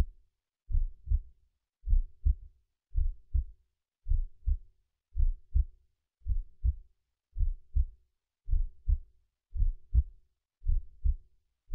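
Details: Person's own heartbeat, mono recording converted to stereo with slight left-right pitch change for binaural effect: steady, deep, muffled lub-dub beats about 54 per minute; slow regular, normal heartbeat.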